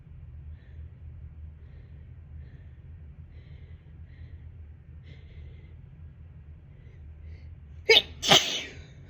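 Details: Adult sneezing twice forcefully in quick succession in a quiet room, triggered by dust while cleaning and moving things to sell a house.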